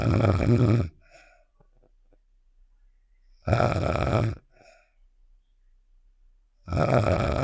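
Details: Snoring sound effect of the cartoon character Star from Save The Shapes (simulated): loud, rough snores about 3.5 seconds apart, each followed by a soft whistling exhale.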